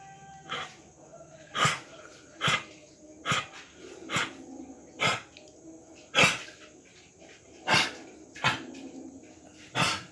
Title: a deep dry honking cough in a dog